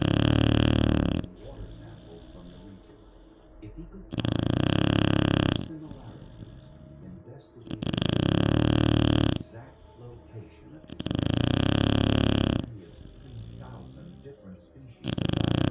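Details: Shar Pei dog snoring: loud, rough snores recurring about every 3.5 seconds, roughly 17 a minute, with quieter breathing between them.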